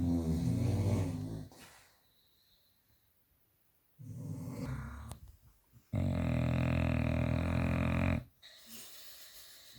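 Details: Two Staffordshire Bull Terriers sleeping at night, with loud, low rumbling snores in bursts and quiet gaps between; dog snoring.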